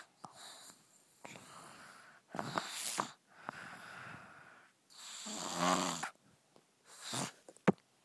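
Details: Man snoring: repeated breathing cycles with rough, fluttering snores, some whistling and snorting, about six breaths in eight seconds.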